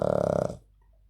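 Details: Puggle dog (owner says it snores badly, even while awake): a single short, low, voiced belch-like grunt lasting about half a second, then quiet; burping.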